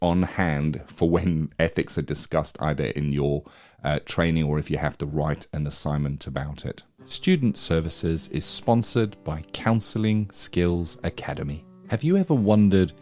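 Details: Adult male speaker; normal speech.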